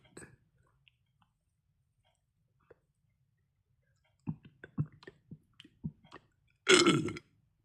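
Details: Belching, tagged belly burps and gassy.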